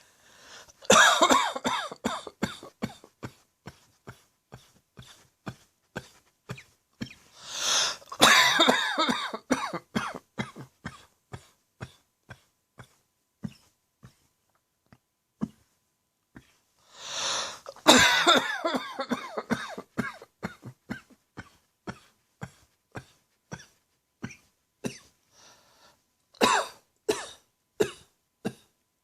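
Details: With throat tickle and acid reflux: repeated harsh, dry evening coughs in clusters with sharp bursts and no wet rattle, separated by inhaled breaths.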